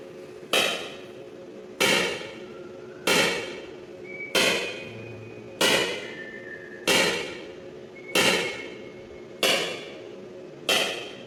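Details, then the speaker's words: ESWL lithotripsy of a patient's left kidney stone, stone focused with C-arm, fluid-filled membrane transmitting vibration: sharp evenly spaced knocking bursts about every 1.3 seconds, roughly 47 a minute; lithotripsy shock waves. "सिर्फ ठकठक की आवाज है जो खतरनाक है और इससे लगता है कि जैसे थोड़ी से कुछ टूट रहे हैं।"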